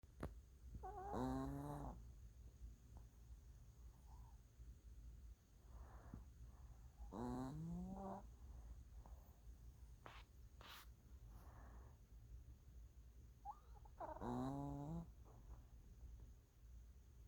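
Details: Three loud, rough, vibrating snores about six seconds apart, with quiet breathing between, from a puppy in deep sleep; snoring.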